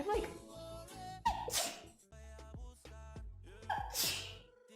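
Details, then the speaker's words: Compilation clip of people sneezing: two sharp, explosive sneezes, each preceded by a quick inhalation, over background music. "so we're back but we're not done yet we still have video soft people sneezing but with"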